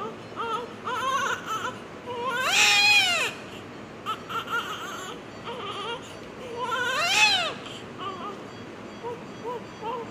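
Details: Newborn crying just after delivery: two loud rising-and-falling cry bursts between softer whimpering cries, a normal newborn cry.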